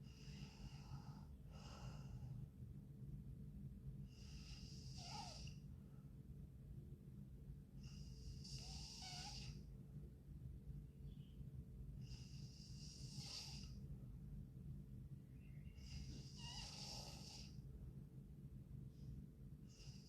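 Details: Sleeping girl: regular noisy breaths about every four seconds, roughly 14 a minute, with a fluttering snore on each, over steady room hum: snoring.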